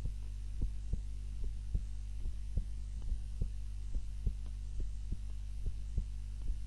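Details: Heart sounds recorded by timer during a daytime nap, lying on the back rather than the usual face-down: regular soft low thumps about 72 a minute over a steady low hum; normal heart sounds.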